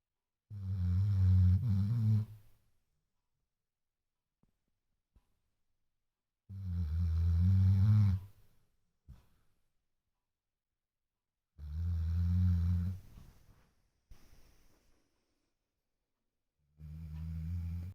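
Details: A sleeper whose snoring wakes the household gives loud, low, rumbling snores about every five seconds, roughly 10 to 12 breaths a minute, with quiet pauses; snoring.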